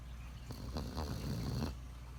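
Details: Sleeping puppy snoring: a single low, rattling snore lasting about a second over quiet room noise.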